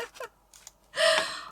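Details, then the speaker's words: A sleeping female dog snoring in the room: a single harsh, fluttering breath noise with a whistly edge, preceded by faint breathy sounds; the owner says she snores often. "Oh dear, she snores on so many videos now. It's so cute."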